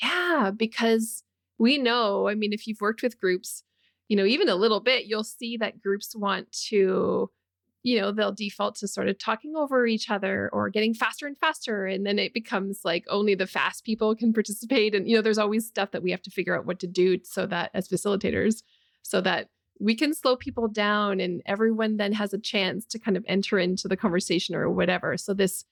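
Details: Adult woman speaking; ordinary speech.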